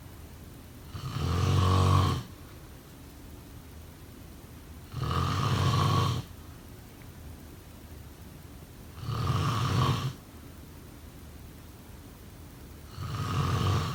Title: Snoring sound… #2